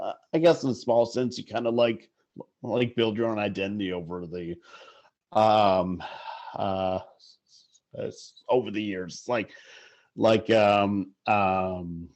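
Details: Adult male sportswriter who stutters, stuttering in conversation.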